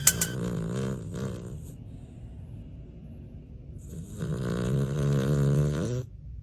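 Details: A poodle snoring while napping: two long, vibrating snores with a grunting buzz, separated by a quiet pause.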